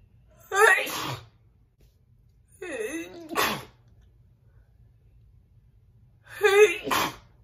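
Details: Three big, loud, wet sneezes from an adult woman, each with a voiced intake before the burst, in a quiet room.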